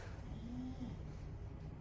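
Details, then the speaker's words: Dog (female) snoring while sleeping, tired out after a morning walk, heard during a yoga session: snoring. "I don't know if you can hear my dog is already snoring my little accountability partner"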